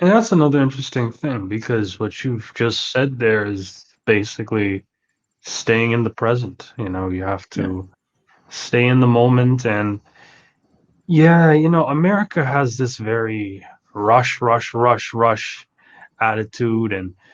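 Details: Adult male speaker; typical speech.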